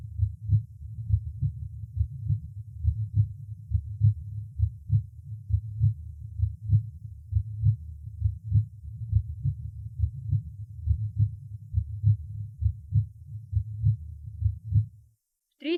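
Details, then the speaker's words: Second auscultation point (second intercostal space right of sternum, aortic valve/ascending aorta): normal heart sounds, second sound louder than first. "во второй точке аускультации во втором межреберье справа от грудины наоборот второй тон оказывается громче первых в этой точке оценивается состояние аортального клапана и восходящей части аорты"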